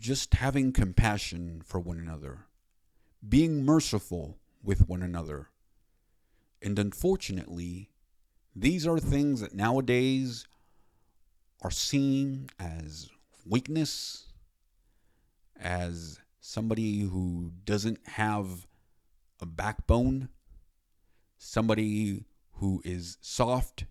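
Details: Adult man with stuttering he has known about since about age 23-24 and only addressed about five years ago; he says it is secondary to another condition, with throat muscle spasms.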